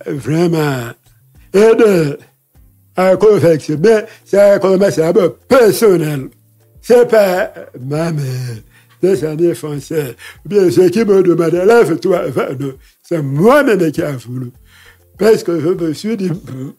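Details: Deaf speech in a man who lip-reads, whose hearing loss followed a childhood illness; he says his voice has not been normal since then, speaking French.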